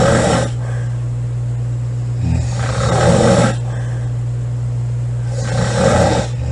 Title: Loud girl snoring July 21 2017